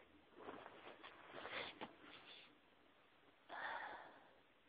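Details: Allergic sneezing after exposure to a certain flower: faint, muffled repeated sneezing bursts with sniffing in a quiet room.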